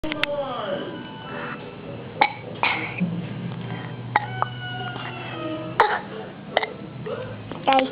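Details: Child burping after drinking Coke: several short, sharp burps, with music and room noise in the background.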